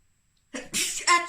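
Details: Sneeze.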